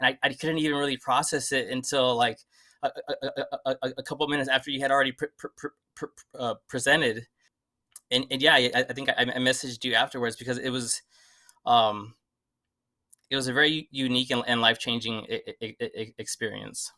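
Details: Adult man who stutters, with audible word repetitions; stuttering.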